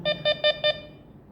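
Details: Infusion pump demonstrated while its sound volume setting is adjusted, giving four short, evenly spaced electronic beeps; infusion pump beep tone.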